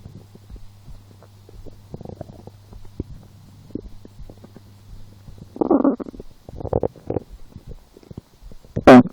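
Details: Person lying down feeling hungry after skipping breakfast, a small lunch and two doughnuts 4 hours later: gurgling, rumbling belly bursts with a low hum between them; hunger-related stomach growling (borborygmi), cause unsure.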